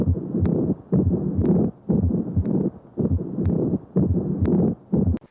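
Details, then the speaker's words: Intense grating pericardial friction rub from inflamed pericardial sac surfaces rubbing together, most distinct at the apex but may be heard widely, heard on cardiac auscultation. "a paracardial friction rub occurs when the surfaces of an inflamed paracardial Sac rub against each other audibly a rub is most distinct at the Apex but may be heard widely its intense grading sound may occur"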